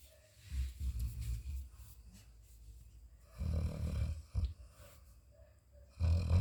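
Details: Sleeping Labrador dog, which owner says makes different sounds when asleep: low rumbling snores with snorty breaths in irregular bursts.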